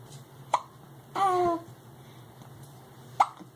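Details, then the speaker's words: Ordinary hiccups: two short, sharp hiccup sounds about two and a half seconds apart, with a brief voiced sound between them. "He's got the hiccups. Elias."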